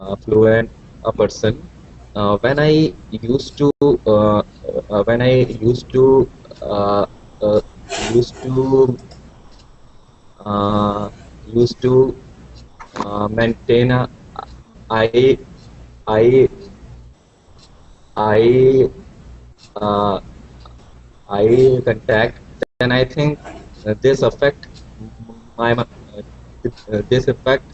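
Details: Stuttering in a man from India who stutters, who describes his stuttering as repeated sounds and syllables and speech that gets locked.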